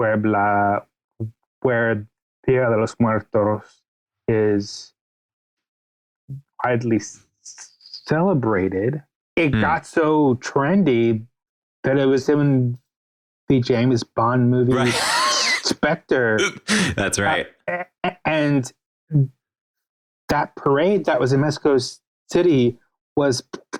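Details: Stuttering in an adult male writer and podcast guest; the host notes his real, ongoing stutter may be heard throughout the interview.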